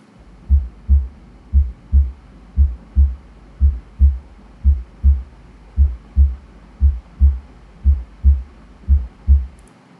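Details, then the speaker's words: Teaching recording of normal heart sounds: a steady lub-dub at about 58 a minute, with only two clean sounds per beat and nothing heard around them; normal heart sounds. "Normal heart sounds दो सुनाई देती हैं, उनके इर्द गिर्द और कुछ नहीं सुनाई देता।"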